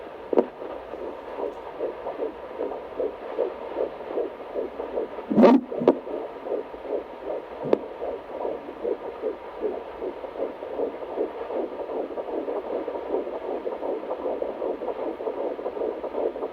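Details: Rapid, regular whooshing fetal heartbeat of a baby girl on Doppler during a doctor's visit, roughly 150 beats a minute; the baby is moving.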